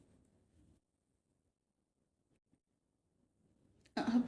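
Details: Woman who had just woken with sudden hiccups, recording live while trying a breathing trick to stop them: near silence with faint breathing, then one short, harsh throat clear at the end. Ordinary throat clearing.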